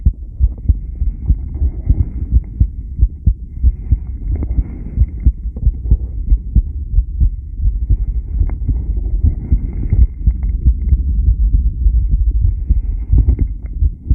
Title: Rebreathing 10 lead heartbeat sound subj.-b1